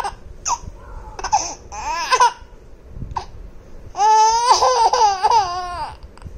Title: Laughing on hiccups/hichki